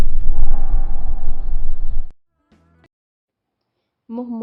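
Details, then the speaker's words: Bronchovesicular breath sound demonstrated on lung auscultation: about two seconds of steady, rushing breath noise followed by brief musical tones. "agora um exemplo para vocês do som broncovesicular"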